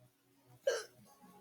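A single abrupt, sharp hiccup against a quiet room background.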